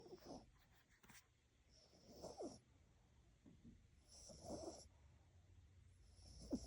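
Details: Frodo, a sleeping poodle: soft, quiet snuffling snores with faint whistling, about three breaths, over a quiet background hiss; snoring.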